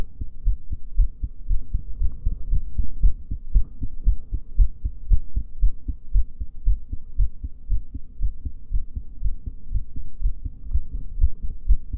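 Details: Female heartbeat during a breath hold: steady low thumping, roughly 115 a minute, with a constant low hum underneath; normal heart sounds.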